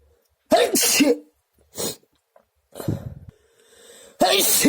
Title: Powerful allergic sneezes 🤧